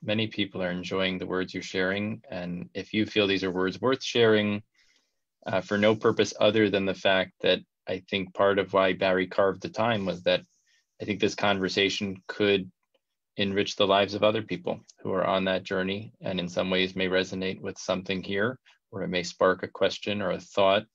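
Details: Adult male speaker; Normal speech.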